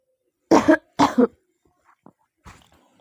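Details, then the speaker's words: Two harsh, loud coughs, each in two parts, then faint breathing, from a baby with a cold, cough and fever since the previous day, coughing through the night; cough. "सर्दी है, बुखार है पूरा इसको।"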